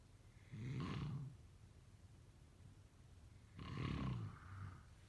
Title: #sleepnoises #snoring #snoringasmr #snoringsleepingsoundeffect #snoringsounds